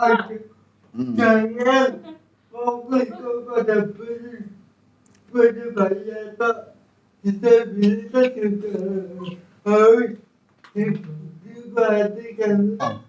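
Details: Adult with cerebral palsy, described as thinking well despite the disability; dysarthric speech in cerebral palsy.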